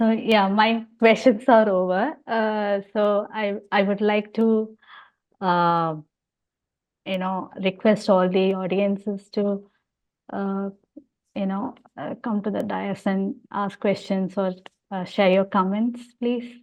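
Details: Adult woman speaking; adult conversational speech.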